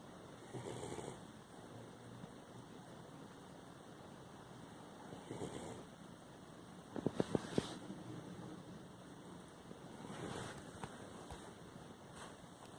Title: A Minute Of A Snoring Dog